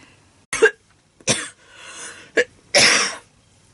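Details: Four harsh, abrupt coughs, the last longer and rougher, repeated dry-sounding cough from a person with asthma whose condition has worsened, barely able to speak.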